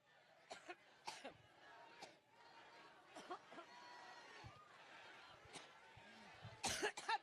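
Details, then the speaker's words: Adult woman's coughing fit during a Cleveland campaign speech on Labor Day 2016, which she attributes to allergies: about eight harsh cough bursts in quick succession, with crowd and room noise behind. "talking so every time I think about Trump I get allergic"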